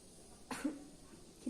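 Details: Adult woman patient performing a nurse-guided effective cough exercise after deep-breathing practice to clear sputum: a single short, forceful cough burst in a quiet room.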